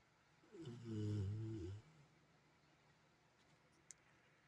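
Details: Dog snoring: a single low, rumbling snore of about a second, then quiet room noise.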